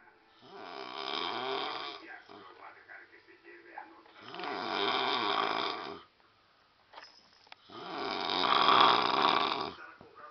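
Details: Adult man (father) snoring: loud rattling snores on breaths in, about 17 a minute, with quieter breathing between; typical snoring.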